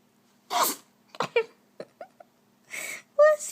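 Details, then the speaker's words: A cat, described by the owner as sick, in a sneezing fit: several small, sharp sneezes in a quick run with soft vocal sounds between them; the owner thinks a vet visit might help. "you I one heck of his sneeze I think a trip to the vet might help poor baby"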